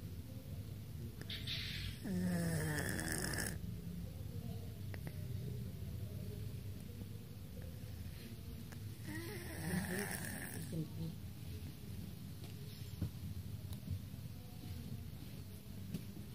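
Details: Cat napping in the daytime after staying up late: two long, rattling snores about eight seconds apart over steady low room noise; snoring.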